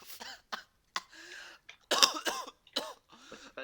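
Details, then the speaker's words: Coughing fit: a rapid run of about eight harsh, forceful coughs, some with rough voiced sounds between the bursts. "That is the definition of almost dying from a cough. That's the definition of what it sounds like to 12 packs of cigarettes."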